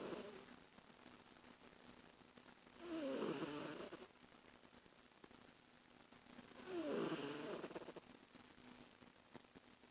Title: Sweet Kitty snores